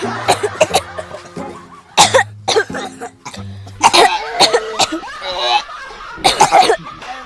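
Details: Several people coughing together in a comedic short, with the cough jokingly blamed on drinking iced drinks.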